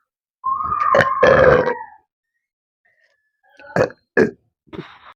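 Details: Deliberate burping challenge after eating Lahori jeera: two long loud burps, a pause, then three shorter burps; ordinary belching.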